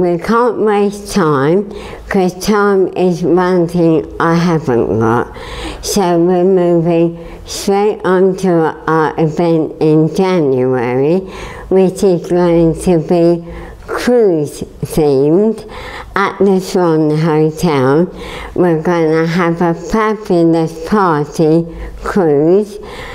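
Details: Dysarthria in a woman with motor neurone disease, a degenerative, terminal illness progressively weakening all her muscles; her voice is gradually getting weaker, and she needs help to walk and has a feeding tube.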